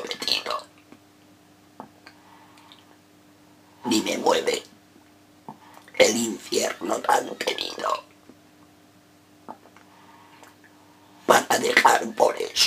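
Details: Adult male reciting a Spanish sonnet in esophageal voice as a voice exercise; esophageal speech.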